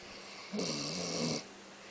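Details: Male sleeper snoring: one brief, harsh, buzzing snore lasting under a second over a steady room hum.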